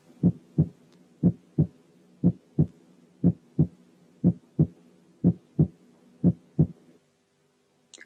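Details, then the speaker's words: Normal heart sounds at rate 60: regular paired S1 and S2, S1 lower in pitch and longer in duration than S2. "حتى بدون تايمينج رنة الفيرست هارت ساوند غير رنة السكند هارت ساوند. الفيرست ساوند lower in pitch يعني أدخن من السكند ساوند، أدخن من ناحية التون أو البيتش وكمان أدخن من ناحية الديوريشن."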